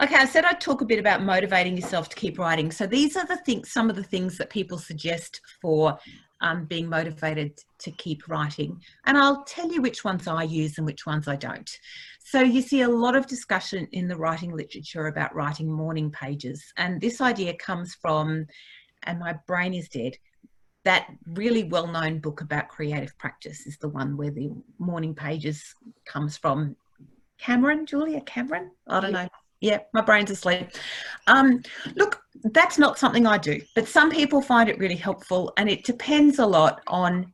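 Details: Adult woman speaking; normal speech.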